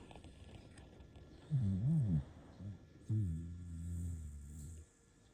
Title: Puppy snoring sound